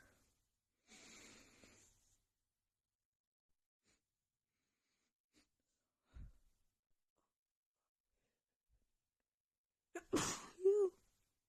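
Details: Female, deliberate loud sneezes into a handkerchief, very tickly and strong: hissing in-breath, quiet pause, then one loud sneeze with a short voiced tail; sneeze.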